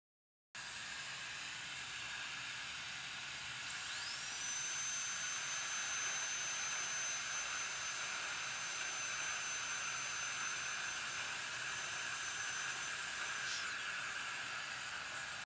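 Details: Simulated dental crown preparation with a high-speed handpiece and suction. A steady loud rushing suction hiss, with the handpiece whine rising in, holding for several seconds, then stopping.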